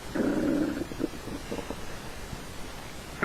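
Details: Stomach growling with the person talking: a low gurgling rumble lasting under a second, then faint bubbling sounds.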